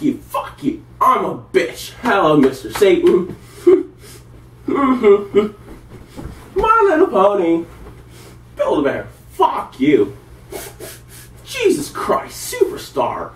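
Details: Person during an involuntary tic attack at about 1 a.m., with repeated greetings, obscenities and random words; vocal tics with coprolalia.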